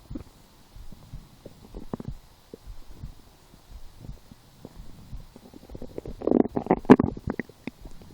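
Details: Stomach growling while lying down, felt as hunger after skipping breakfast, a small lunch and two doughnuts four hours later: soft scattered gurgles building to a louder bubbling rumble near the end; borborygmi.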